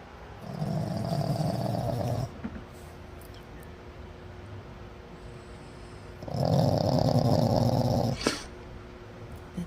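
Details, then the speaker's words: Pug sleeping with her eyes open: two long, loud, rumbling snores several seconds apart in a quiet room; dog snoring. "She is snoring with her eyes open."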